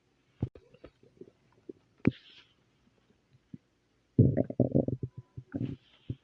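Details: Adult's stomach growling: irregular gurgles, pops and a loud rumbling burst, ordinary bowel sounds (borborygmi).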